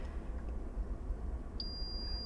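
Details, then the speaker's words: A single high electronic beep over low room hum: a digital thermometer signalling a finished oral reading taken in the sublingual pocket of a patient, during routine vital signs; reading described as very normal. "other vital sign i need to do is her temperature and i'm going to do that a couple of different ways so the first way i'm going to do it orally"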